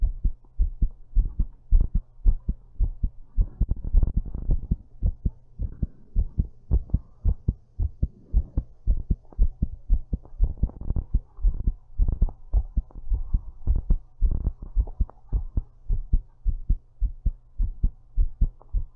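Deep, forceful thumping heartbeat at roughly 105 beats per minute, steady throughout, heard while lying down.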